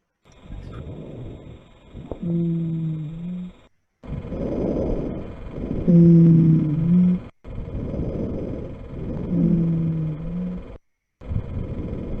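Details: Auscultation simulator, asthma patient in a teaching session: about three slow breath cycles, each with a musical, whistling tone late in the breath, expiratory wheezes with rhonchi also noted.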